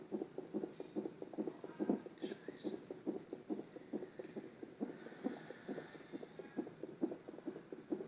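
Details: Fetal heartbeat picked up by Doppler: fast, regular whooshing thumps at about 140 per minute.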